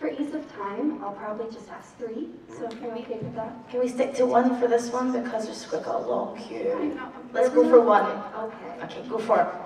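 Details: Adult women speaking, panel discussion; conversational speech.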